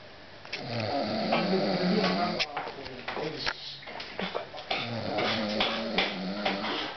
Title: Deadliest Snore 1